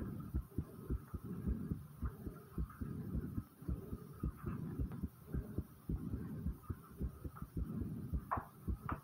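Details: Rapid low thumps of the recorder's own fast heartbeat at about 107 a minute, with a faint steady hum behind.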